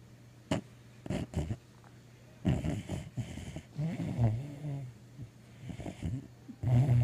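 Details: A sleeping, dreaming mixed-breed dog snores with low, rumbling breaths and brief snorts, interrupted by small whimpering dream sounds in a quiet room; snoring.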